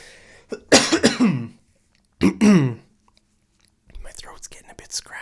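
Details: Adult man, powering through a lesson, clears his throat twice in rough, voiced bursts, then a soft breathy rustle follows.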